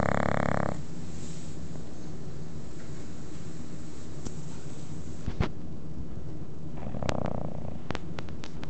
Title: Snoring Bulldog, Adorable